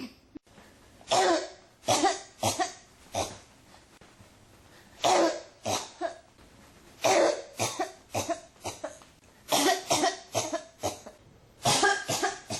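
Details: Persistent cough that won't stop: repeated bursts of dry, harsh coughing in clusters, about a dozen coughs in twelve seconds, barely pausing.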